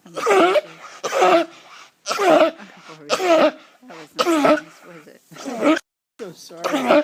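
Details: Coughing from a sheep. Finding: cough.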